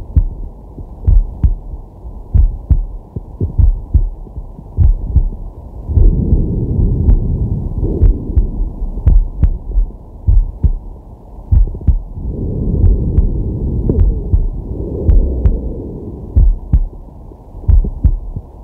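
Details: Male's heartbeat and breathing recorded with a digital stethoscope on the chest during a sleeping/relaxation session: steady paired heart thumps about 48 a minute with slow deep breaths rushing behind.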